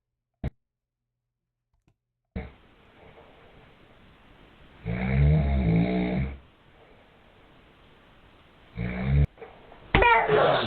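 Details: Dad snoring in bed: loud, rough, low-pitched snores on two slow breaths with quiet room noise between, then a sharp slap-like sound near the end as a baby slaps him.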